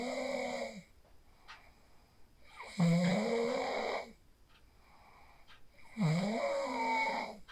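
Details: Real sleep snoring recorded on a phone after practicing the 4-7-8 breathing technique: two rough snores with a tonal, whistling edge, about one every three seconds, quiet room with faint background hum; snoring.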